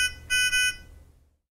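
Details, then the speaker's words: Two sharp high-pitched alarm tones: Nonin PalmSAT 2500A pulse oximeter alarm for oxygen level or pulse rate outside preset range, stopping when values return to range. "when oxygen level or pulse rate returned to the preset range the alarm will stop and return to normal monitoring function"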